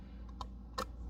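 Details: Two small sharp mechanical clicks as a disposable skin stapler places staples about a quarter inch apart along a wound on a suture practice pad; a simulated closure, not a patient.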